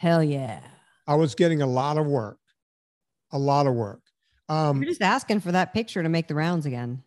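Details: Adult speaker; ordinary speech.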